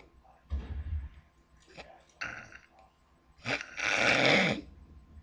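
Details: Irregular noisy breathing from a sleeping woman with a loud rattling snore toward the end; extreme snoring.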